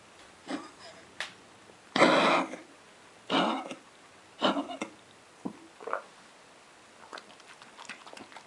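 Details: Ill dog on day 6 of coughing and vomiting: several harsh, forceful cough bursts with retching and gagging.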